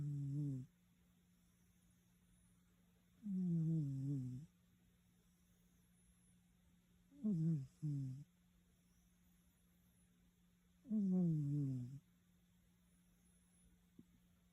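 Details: Sleeping black cat snoring: four low, buzzing snores spaced a few seconds apart, with faint background music.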